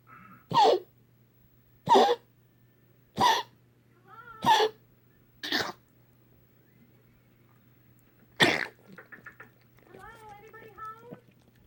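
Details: Pet animal named Stella coughing: six sharp, dry cough bursts followed by a few soft whining sounds.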